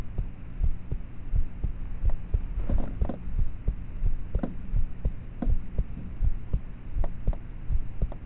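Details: Steady soft thumping at about 80 beats a minute over a low hum, self-recorded at about age thirteen (estimated) at night with a cheap mp3 player's mic; faint, muffled normal heart sounds.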